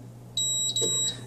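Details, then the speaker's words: AHP300 transport ventilator running in child mode: two high electronic beeps in quick succession over a steady low machine hum, the double beep confirming entry into programming mode after holding the button down. "you hear a double beep you let go and then you just make whatever changes you'd like"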